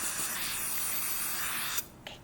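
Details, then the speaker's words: Simulated role-play of a child's first pediatric dental cleaning: steady airy hiss of a dental saliva ejector suction tip clearing the mouth, stopping abruptly near the end. "Oh, Mr. Thirsty, he sees that there's more. Oh, you're making him so happy. Okay, we're going to go ahead and do the bottom. Okay, good job. I'm going to suction you out again."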